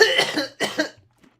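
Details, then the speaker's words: Adult with bronchitis: two harsh coughs in quick succession; the patient says it sounds like a tuberculosis cough. "I'm sorry, I know that sounds like a confounded tuberculosis cough. I have bronchitis right now. So... Forgive me if I just bust out coughing."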